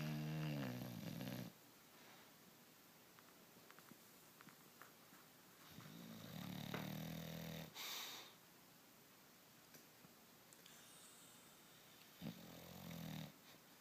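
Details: English Bulldog snoring during sleep, recorded in a small room: three loud, rattling inward snores separated by quiet pauses; farting also caught in the recording.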